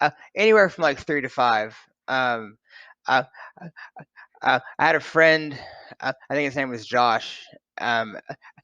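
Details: Adult man who has stuttered since about age three to five and grew up bullied for it; his son also stutters; finding: stuttering.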